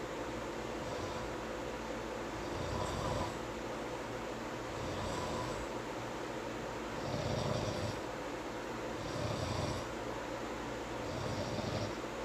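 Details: Snoring during sleep, with talking in his sleep: repeated rough, rattling snores, about 29 a minute counting breaths in and out, over steady background hum.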